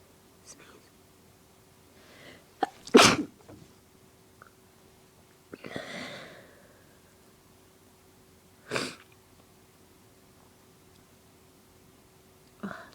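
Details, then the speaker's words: A woman with deliberately induced allergies has a bout of repeated allergic sneezing: three explosive, messy sneezes with breathy wind-ups between them, growing stronger. "Oh, they're so messy. Here comes another one. They're getting stronger."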